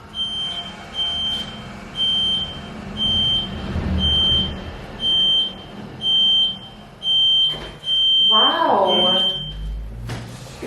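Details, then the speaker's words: IDD spinal decompression therapy machine, used for disc injuries, chronic back or neck pain and sciatica: repeated high beeps about once a second as the stretch eases off at the end of the session, with brief talk. "So I'll just press the stop button in just a second as it eases off. And then you'll feel it just gradually take the pressure. Take the take the stretch off again. A bit of beeping as well."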